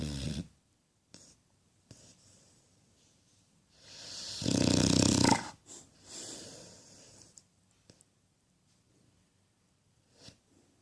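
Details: Sleeping Cane Corso dog: one loud rumbling snore among quieter snuffling breaths; ordinary snoring.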